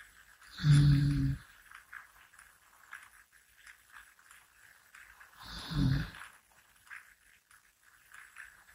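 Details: Two low, rumbling snores on the in-breath, about five seconds apart, with quiet room noise between them, from an adult napping while sitting up; snoring during sleep.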